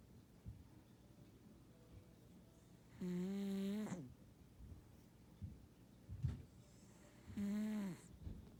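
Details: Ragdoll cat snoring while asleep, once mistaken by the owner for wheezing: two drawn-out buzzing snores about four seconds apart, with soft breathing between; snoring.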